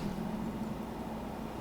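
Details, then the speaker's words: Stomach growling (borborygmi) from a pregnant woman taking lactase who had just eaten a yogurt parfait in the morning: a low, wavering, drawn-out rumble lasting under two seconds. "you hear that that's my stomach"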